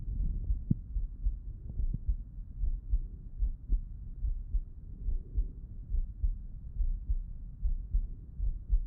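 Steady low lub-dub heartbeat, about 71 beats a minute, with soft stethoscope rustle: normal heart sounds.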